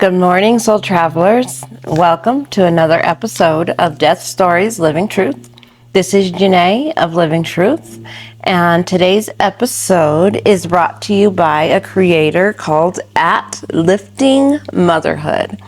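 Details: Adult woman speaking; normal voice.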